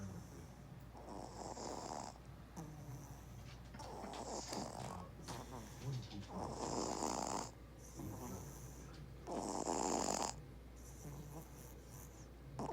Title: Baby snores 😴